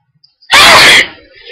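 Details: Hay fever, which flares on sunny days: a short intake of breath, then one very loud, explosive sneeze.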